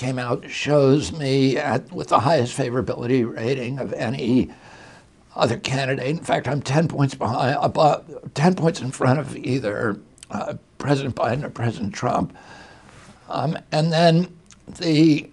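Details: Adult male, real case, speaking in an interview: spasmodic dysphonia beginning in 1996 at age 42 after a neurological injury, attributed to the brain sending wrong signals to the vocal cords, not to the cords themselves.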